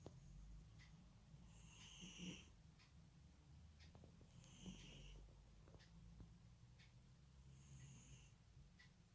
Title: наш котик храпить / our cat snores